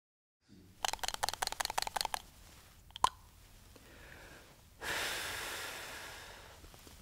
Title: MDI - Metered Dose Inhaler